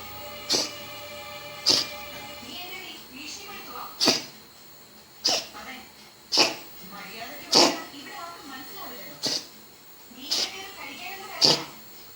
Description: I don't know this cat is sneezing or coughing. He had cold and fever. Now this. I'm worried.